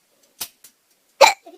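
A short abrupt hiccup followed by a louder sharp hiccup with a brief vocal catch; ordinary hiccups.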